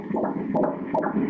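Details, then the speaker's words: Fetal Doppler at 13 weeks of pregnancy during an ultrasound exam: rapid, regular whooshing heartbeat pulses at 154 beats per minute, a normal fetal heartbeat. "ببین، من قلب بچه را اینجا نشان می دهم به ضربان قلب کودک در اینجا توجه کنید"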